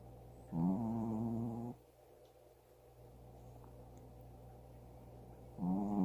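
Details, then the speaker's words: Pet sleeping right next to the recorder's head in a dark, quiet room gives a drawn-out, buzzing snore about a second long, then quiet breathing, then another snore: snoring. "I love it when she snores, and she's like right next to my head."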